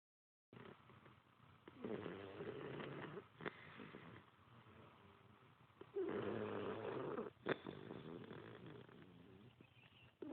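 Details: Rattling, purring snores on two slow in-breaths with quieter breathing between, from a very young, exhausted Moose; ordinary snoring.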